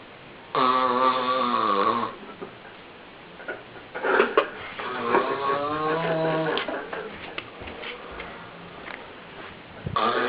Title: Sleep apnea mouthpiece The Hidden Dangers Of Snoring